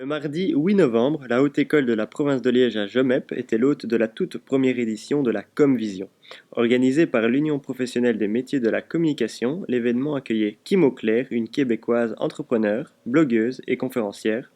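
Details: Adult male narrator; typical speech.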